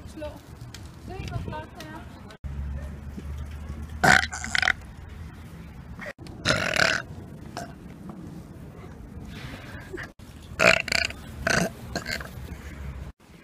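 Three loud burps over low background noise, the last one drawn out into a double belch.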